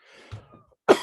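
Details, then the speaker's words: Older adult who is overweight, diabetic and has high blood pressure, with ongoing respiratory trouble and wheezing; says sweet foods trigger coughing fits. Brief soft breathy sounds, then one sharp, abrupt cough. "i'm gonna be coughing i've noticed that um when i eat anything sweet it uh triggers my i don't know what start coughing"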